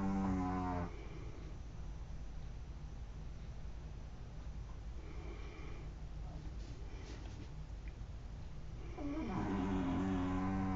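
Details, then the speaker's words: Pet named Pep snoring his head off while sleeping: two loud, drawn-out, droning snores separated by a quiet stretch of room noise; snoring. "Can you hear Pep snoring his head off?"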